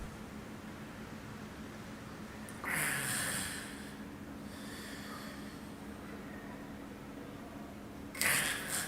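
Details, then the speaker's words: Agonal breathing (gasping) in cardiac arrest: two brief, harsh snorting gasps separated by a long silent pause; not true breathing, with increasingly long intervals between breaths, possibly with seizures. "gasping or agonal breathing is not true breathing do not confuse it with normal breathing the victim is in cardiac arrest"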